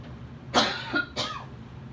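Two short, dry coughs from an adult, about half a second apart, in a quiet room: a plain cough.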